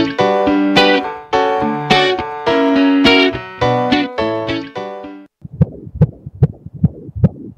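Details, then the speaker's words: Fetal heartbeat on ultrasound (sonogram): a rapid, regular whooshing at about 150 beats per minute, with piano music in the background. "Isn't that a beautiful sound? The sonogram holds the sound of a baby's heartbeat."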